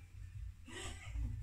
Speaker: so he's making a a thing where I can hang them on so that I can see what I have and have some order to everything he's sneezing very